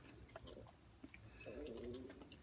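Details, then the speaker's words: Woman's stomach gurgling while eating a noodle meal: a low, bubbling rumble swelling briefly amid small wet clicks; bowel sounds. "do you hear my stomach now that their good news is not on you probably hear my stomach gurgling I hope it's not the Robin ooh that'll be bad"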